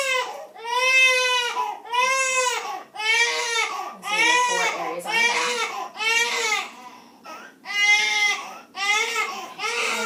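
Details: Newborn crying during a nursing newborn physical exam: strong, rhythmic bursts of about one per second; normal vigorous newborn cry.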